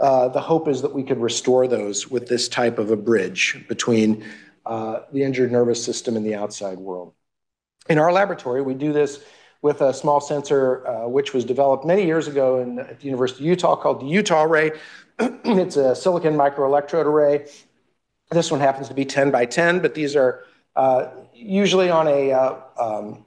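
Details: Adult male speaker; normal speech.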